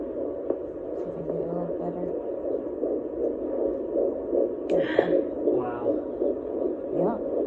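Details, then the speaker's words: Fetal heartbeat on Doppler at 11 weeks of IVF pregnancy, recorded at a prenatal appointment: rapid, strong whooshing pulses over Doppler hiss, about 150s–160s per minute, normal. "Nice and strong. What is it? 150s, 160s."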